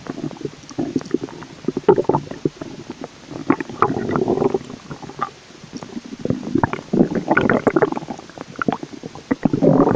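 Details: A person's stomach growling; borborygmi.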